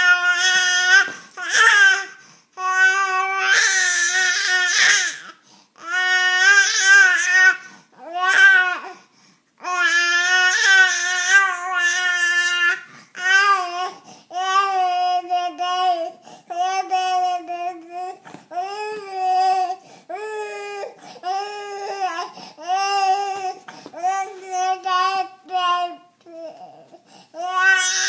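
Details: Infant crying in repeated high-pitched wails separated by brief pauses for breath, in a small room.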